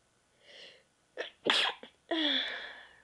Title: sneezes 4